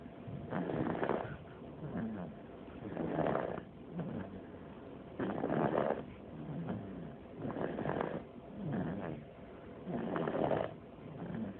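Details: Baby snoring, very quiet: steady rattling breaths in and out with a low fluttering quality, about 13 breath cycles a minute.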